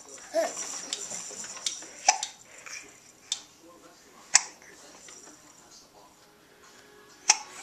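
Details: Laughing baby recorded with a Flip Video camera: sharp, abrupt hiccups, about four over seven seconds, with soft giggling and babble between them; infant hiccups.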